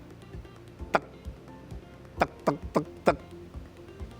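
A voice makes short sharp clicking 'tek' sounds, imitating the clicking type of tinnitus.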